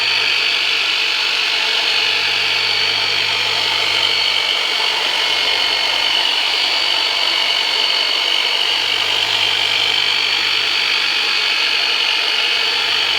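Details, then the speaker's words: Steady loud buzzing hum of a handheld percussive massage device used for deep tissue work on the low back of an adult with persistent pain after L5 herniated disc surgery, during chiropractic treatment. "okay so I'm gonna pull out the heavy machinery on you we're going to use the turbinator on you for the very first time so just it's going to be some deep tissue work so just breathe and relax"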